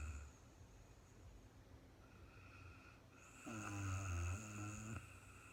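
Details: Very tired woman recorded sleeping in real time at night; a single low, rattling snore on an in-breath after a quieter stretch of room hum; ordinary snoring during sleep.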